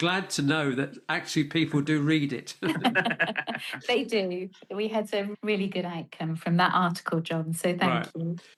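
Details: Adult speakers in conversation; ordinary fluent speech.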